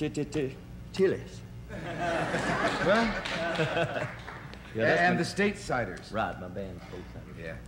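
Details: Adult male country singer who has a stutter/stammer, speaking on a television talk show; stuttering.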